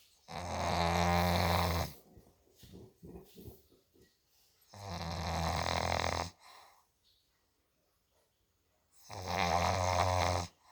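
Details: Olde English Bulldog snoring: three loud, deep, rattling snores, about 14 breaths a minute, with soft snuffling between. Snoring.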